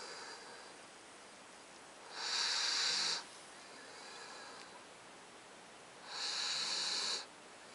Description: 9 week old malamute snoring